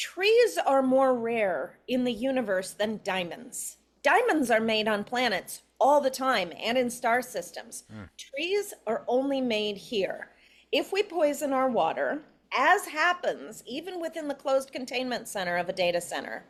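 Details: Adult woman speaking; ordinary speech.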